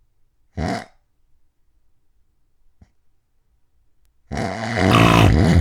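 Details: Adult's extreme loud snoring recorded overnight from 11:09 p.m. to 6:20 a.m., attributed to sleep apnea: one brief snort, a few seconds of silence, then a long, harsh rattling breath.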